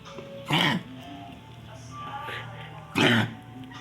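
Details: An animal sneezing: two sharp, explosive bursts of air about two and a half seconds apart, with soft background music.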